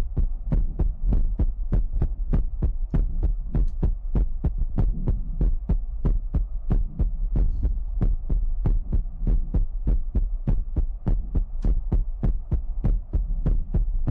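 Steady low thumping heartbeat, about 98 beats a minute, over a constant hum.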